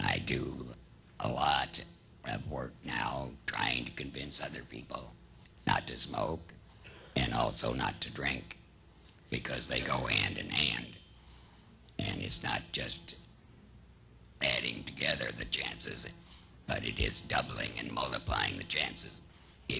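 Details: Man with a total laryngectomy 7 years earlier, treated by surgery only without chemotherapy or radiation, who uses esophageal speech and also has a tracheoesophageal puncture; alaryngeal (esophageal / tracheoesophageal) speech.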